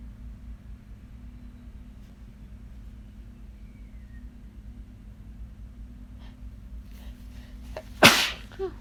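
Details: Quiet room, then a single sudden loud wet sneeze near the end with a brief follow-up sound; the sneeze was deliberately induced with an undisclosed new method.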